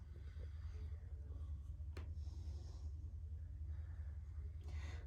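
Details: Stethoscope auscultation of an adult man who occasionally smokes cigars, anterior chest at the fourth intercostal space: soft breath sounds under steady low rumble over full inspiration and expiration; clear lungs, normal vesicular breath sounds.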